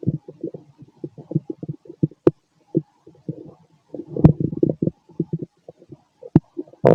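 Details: Fit adult male's abdomen just after a bowel movement: frequent low gurgles and bubbling rumbles with a few sharp pops and clicks; active bowel sounds (borborygmi), normal here.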